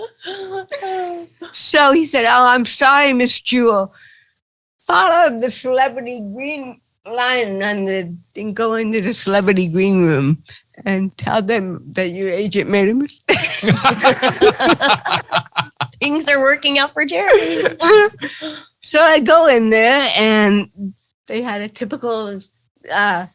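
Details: Adult woman with cerebral palsy, real (not acted), retelling her first stand-up comedy routine in an interview; dysarthria (cerebral palsy).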